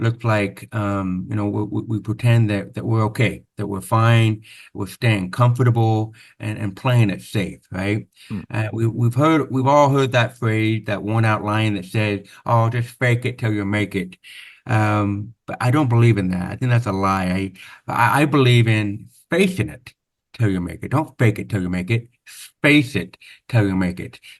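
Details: Adult man born with very severe to profound (about 90%) hearing loss, congenital onset, with over 13 years of speech therapy; real, not acted; deaf speech (hearing-loss accent).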